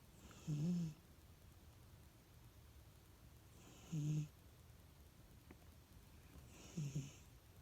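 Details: Pets snoring while sleeping: three short, soft snorting snores about every three seconds, roughly 20 a minute, over quiet background hiss.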